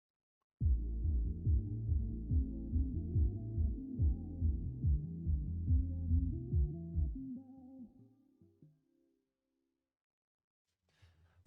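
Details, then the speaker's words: Simulated severe noise-induced hearing loss after about 15–19 years of continuous exposure to 100 dB noise: the sound is heard with clearly greater hearing damage than the earlier shorter-exposure examples. "그럼 이번에는 15년에서 19년 정도 노출된 경우입니다. 네, 아까보다 확실히 청력 손상이 이제 점점점 더 느껴지시죠?"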